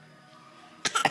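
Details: Young child fake coughing when asked by an adult: three quick, light cough-like bursts made on purpose; voluntary (fake) cough.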